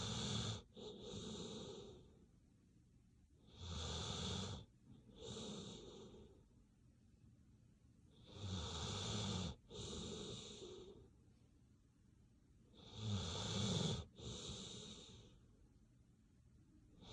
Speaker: relaxing sounds of sleep. Doggy snoring is sleep inducing.